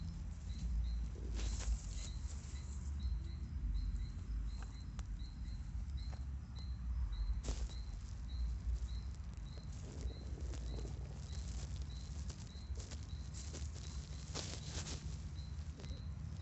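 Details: Horse stomach growling: low, continuous gurgling gut rumbles with faint repeated chirping in the background; bowel sounds (borborygmi).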